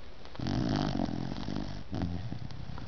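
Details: A sleeping 6-month-old puppy gives low, snorting, rattling snores, two breath-driven bursts in under three seconds: sleep snoring.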